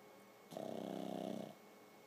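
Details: Pug asleep: a single rattling, fluttering snore lasting about a second in a quiet room.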